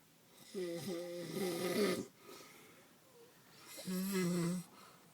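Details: Man with a sleep disorder that makes him fall asleep anytime and anywhere: two loud, buzzing, rattling snores on breathing in, separated by a quieter breath out; snoring.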